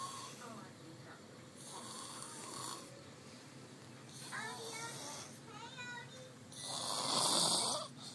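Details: Sister snoring while asleep in a chair: raspy breathing noises with a loud harsh snore near the end and faint background talk; snoring.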